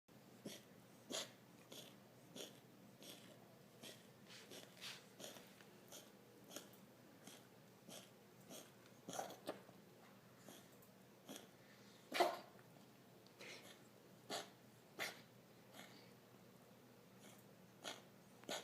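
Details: A cat in a coughing attack with no obvious trigger, episodes ranging from none in a week to ten in five hours: a long run of short, dry, hacking coughs at irregular intervals.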